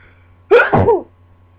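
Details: Sneezing into a pillow just after waking from a nap, possibly another cold: a sharp intake then one explosive sneeze, muffled and partly dampened by the pillow.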